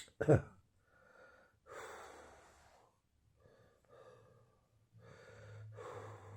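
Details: Cough with wheezy breathing while still wheezing and coughing a lot: one sharp, harsh cough, then several noisy, labored breaths with a faint low rough tone.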